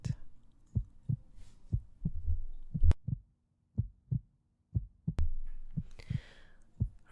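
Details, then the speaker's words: Steady low double thumps at roughly 70 beats a minute, regular rhythm, faint room noise; normal heartbeat used in a guided meditation. "breathe normally and listen to the sound of your heartbeat"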